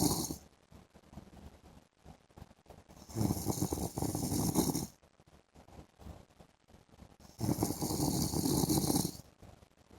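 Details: Adult man (husband) asleep in the afternoon: two loud, rough inspiratory snores with quieter breathing between, about 14 breaths a minute; snoring.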